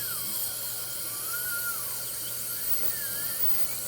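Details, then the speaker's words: Dental drill with a 12-fluted multi-fluted burr used as the second stage of shaping and first polish of a filling: high-pitched whine with shifting pitch over steady background hiss. "So I just use it as kind of my second stage of shaping the filling."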